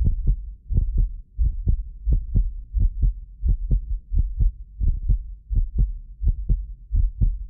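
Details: Heartbeat of a medically fit adult recorded with several precision contact microphones: steady paired thumps at about 86 beats a minute, some with an extra click from microphone delay; normal heart sounds.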